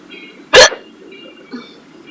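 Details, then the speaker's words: Woman who got hiccups while driving, which she thinks came from a salad with beer; one loud, abrupt hiccup over steady car road noise; hiccups. "this is what happens when you're driving in your car and you get hiccups oh man give that a shoot now I have to drive home with hiccups man I'm allowed to"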